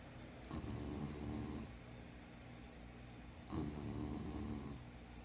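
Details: Former street dog, spayed, snoring in her sleep with eyes open: two long, rumbling, fluttering breaths with a faint whistle about 3 seconds apart; snoring.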